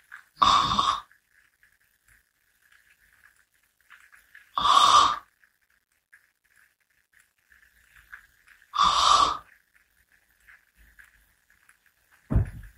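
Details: Three soft, noisy breaths about four seconds apart in a quiet room while napping sitting up, head nodding off; light snoring at roughly 14 breaths a minute.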